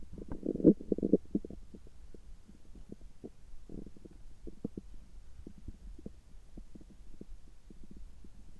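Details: Abdominal sounds of an adult recorded just after a screening gastroscopy with normal results: gurgling, bubbling rumbles, then many soft irregular pops and clicks; ordinary stomach and bowel sounds.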